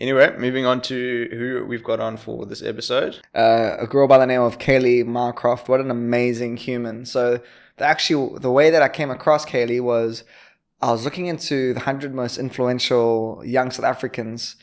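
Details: Adult male speaker; typical speech.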